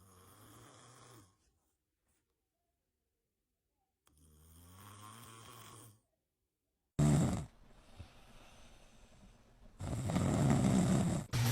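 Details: Dad (adult man) snoring while a baby listens and reacts: low rattling snores with each breath, quiet pauses between them, then louder snorting bursts.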